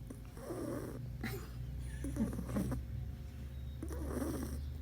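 Soft, rattling breaths in and out, about two seconds per cycle, over a low steady hum. A sleeping cat snoring.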